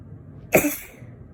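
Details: Person with allergy who has had a tickly nose for days; the sneezes are softer than usual. One sudden, brief, loud explosive burst of air: sneezing.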